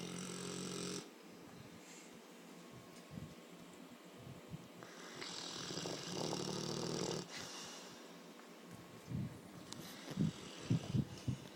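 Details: Sleeping snoring: soft, rough snoring breaths with snorts and uneven bursts over background noise.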